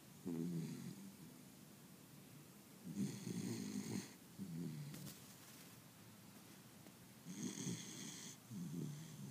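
Soft rhythmic snoring with low rumbling breaths, about 14 a minute, in a quiet room; ordinary snoring in a young dog.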